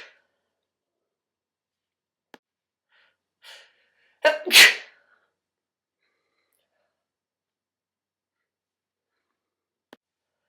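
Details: Person about to shower, sneezing repeatedly, with sneezes spliced together: a brief inhale, then a sharp double-burst sneeze, faint clicks before and after in near silence.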